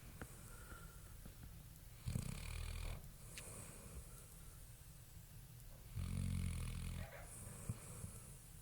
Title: snores 2.24.2012